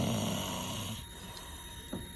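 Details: Patient snoring during a root canal, likely in the dental chair: a low, rattling snore fades over about a second, with a steady high-pitched whine from the dental handpiece behind it.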